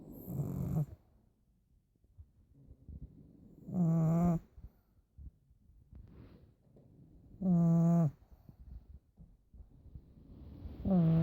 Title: Snoring pug